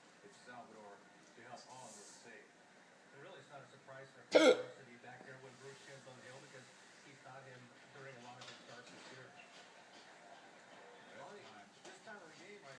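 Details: Adult man (father) with hiccups: a single sharp, abrupt hiccup-like burst against quiet background talk in a small room.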